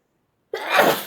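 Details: A single loud, sudden sneeze after silence, with a brief in-breath before the explosive release, one of three sneezes followed by nose blowing into a hanky: an ordinary sneeze.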